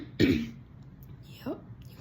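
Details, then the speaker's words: Adult recovering from being sick, with hypermobile Ehlers-Danlos syndrome: a single harsh throat-clearing cough, then a brief quieter voiced sound. "I haven't styled my bangs yet. [clears throat and cough]"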